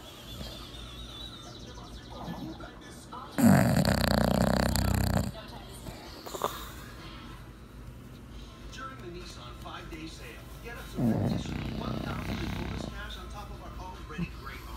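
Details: English bulldog asleep after returning home from two weeks of camping; two loud, rough, rumbling snores several seconds apart over quiet room noise and faint music; dog snoring.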